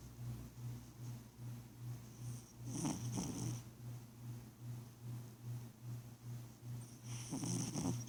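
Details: Soft, rhythmic low rumbling from a sleeping cat, with brief higher snuffling sounds; gentle snoring.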